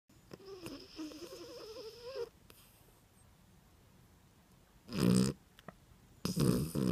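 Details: 3½-year-old rescued female dachshund-Yorkie mix asleep with one eye open, soft whimpering then two short, loud snorting snores; snoring.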